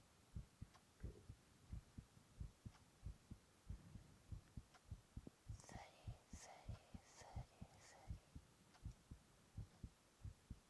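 Regular soft low thumps at about 90 a minute, with brief whispering in the middle; ordinary heartbeat.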